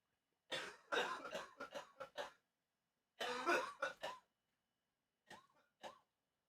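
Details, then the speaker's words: Adult repeatedly coughing during a livestream: two bursts of harsh, repeated coughs with throat clearing, then two softer voiced throat-clearing sounds, while the speaker talks over the coughing. "I'm gonna talk over the coughing for y'all, just so y'all don't have to hear the coughing and yakking."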